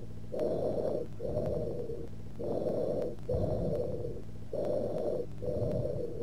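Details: Teaching recording of harsh, high-pitched, hollow breaths with loud, long expiration and a gap between phases, as in lobar pneumonia consolidation: tubular bronchial breath sounds.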